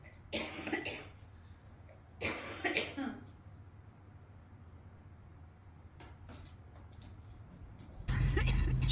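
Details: Cough in a girl: two clusters of harsh coughs, a few bursts each, in a quiet room, followed by a burst of loud noise.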